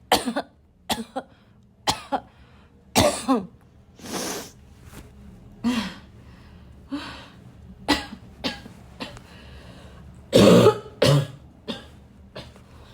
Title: loud (barking) coughing fit